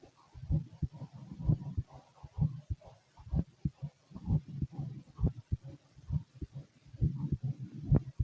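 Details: Fit adult male, heart heard through a stethoscope: soft, low thumping at roughly 65 beats a minute with some rubbing noise; normal heart sounds.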